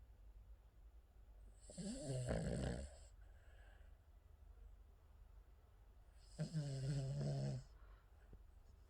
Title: King Charles snoring